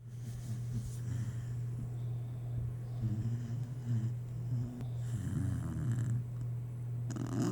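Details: A sleeping female cat snores with a low, steady rumble and soft snorts on the breaths; the owner says she is also grinding her teeth.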